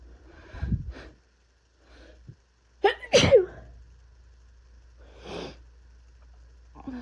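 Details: A forceful explosive sneeze after a sharp inward breath, with a few softer stifled sneezes and breaths around it, from an adult with an intense cold with body aches, chills, fever and coughing.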